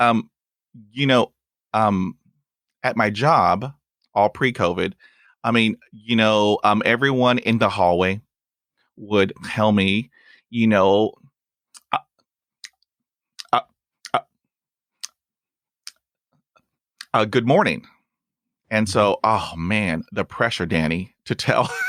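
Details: Stuttering in a real adult male who stutters, with 20 years of speech therapy; he reports blocks during which his eyes close and his arms move.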